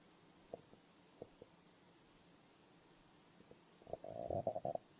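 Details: Stomach growl: scattered soft gurgles and pops, then a longer bubbling growl near the end over quiet hiss.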